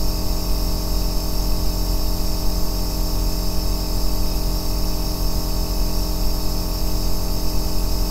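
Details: Aerosol nebulizer running: a steady deep hum and rumble, continuous and unchanging, offered as white noise for sleep.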